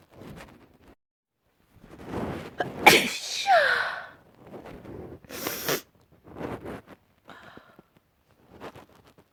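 Two loud sneezes in close succession, each with a sharp explosive burst, amid softer breaths and vocal sounds.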